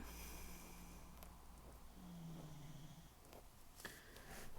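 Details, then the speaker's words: Female dog snoring while asleep in a quiet room: low rumbling snore with a whistling nasal tone on the breaths. "Can you hear her snoring, you guys?"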